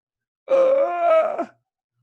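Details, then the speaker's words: Lecturer imitates inspiratory stridor of croup, a viral airway narrowing: a single harsh, tonal, crowing noise drawn in for about one second; imitated inspiratory stridor. "so narrowed that the air going pass makes a similar sound of that and then when they cough which they do frequently it sounds like a seal bark"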